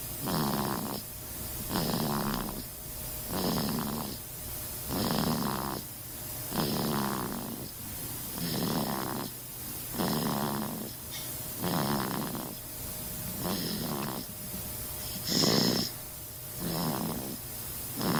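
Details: A baby snoring: regular breaths, about 37 a minute, each with a rough, rattling buzz on the breath in; infant snoring.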